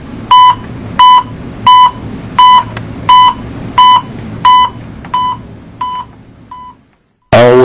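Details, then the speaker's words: Steady electronic beeps at about 87 a minute, one per detected pulse, over low room noise; a pulse oximeter's audible pulse beep, in an instructional video on pulse oximetry for anaesthesia monitoring. "adjust the volume of the audible pulse beep to a comfortable level never use on silent"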